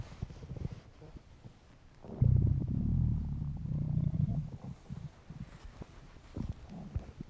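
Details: Hungry stomach noises in a man: quiet gurgles building into a loud, drawn-out low rumble lasting a couple of seconds; typical hunger growling, normal borborygmi.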